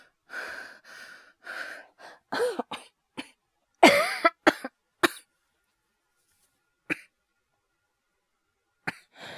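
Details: Simulated coughing acted by a male VTuber voice actor, compiled from a cough, asthma and hyperventilation voice series: several breathy coughs, then a run of short sharp bursts and a few isolated coughs in a quiet room.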